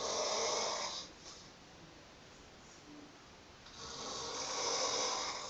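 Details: Chronic snoring in a female with loose "fish lips": two long, harsh fluttering snores separated by a quiet pause, with a loose flapping quality during sleep.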